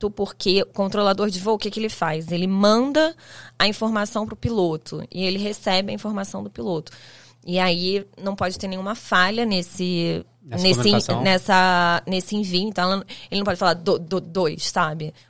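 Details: Stuttering in an adult man who identifies as a person who stutters; he says his stuttering worsens under stress and that certain words were hard for him to say in school.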